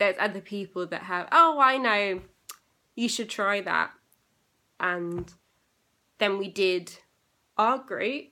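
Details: Aphasia in a young woman, recorded eight years after a stroke she had at age 18; she reports persisting problems with reading, writing and saying numbers.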